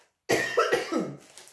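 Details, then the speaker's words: Adult woman with a mild cold coughing: a quick run of three or four short, harsh coughs after a moment of silence. "Excusez-moi, je tousse, mais c'e"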